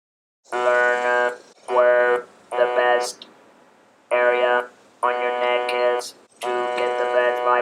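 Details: A man who had a laryngectomy 19 years ago speaks with a Servox electrolarynx, giving advice to new users of the device.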